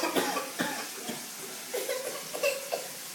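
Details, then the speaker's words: A young child, possibly getting a cold per the adult present, gives a run of several short, sharp coughs with brief voiced catches in a quiet room, also sneezing; cough. "oh you got to cough now too oh and a sneeze you're not in very good shape man oh my goodness you must be getting a cold"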